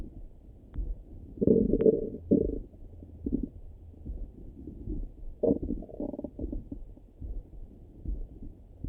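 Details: Own stomach rumbling in the morning heard through a stethoscope: irregular gurgles and low rumbles with quieter stretches between, normal bowel sounds (borborygmi).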